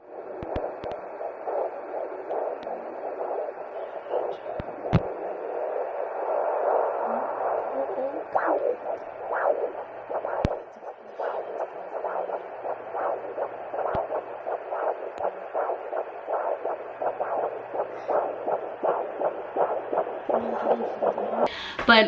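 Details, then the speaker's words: Fetal heartbeat at 11–12 weeks of pregnancy, heard by handheld Doppler at the first midwife home visit: fast, steady whooshing at about 150–160 beats a minute, strong and normal. "heartbeat was about hye-won 50s and low one 60s they they didn't tell exactly but it's definitely within that range sounded really good super strong"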